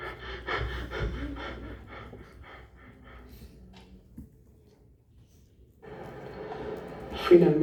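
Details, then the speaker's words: Cheyne-Stokes respiration, described as resulting from cardiac damage: breaths gradually increase then fade from loud to faint, about two seconds of apnea, then build up again. "Sin embargo, el patrón de Cheyne-Stokes es un aumento gradual seguido de una disminución gradual, y así es como se escucha."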